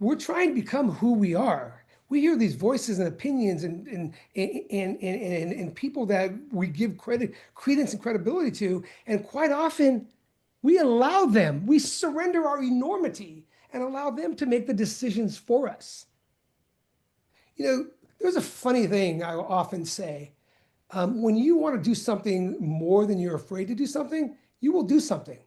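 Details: Stuttering in an adult man who says he has stuttered for many years.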